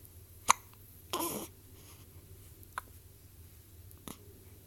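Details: Infant hiccups: brief, sharp, quiet hiccup clicks spaced a second or more apart against room hum.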